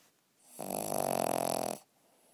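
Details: Sleeping dog snoring at night: a single drawn-out, rattling snore lasting about a second, in a quiet room.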